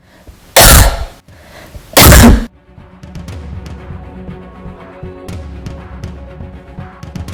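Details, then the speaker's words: Two loud harsh coughs from a woman with acute dystonia from antipsychotic medication, as laryngospasm releases after injection treatment; cough with release of laryngospasm. "so i'm injecting she will give some cough because this dystonia also induces laryngospasm so first her letting the spasm will be released"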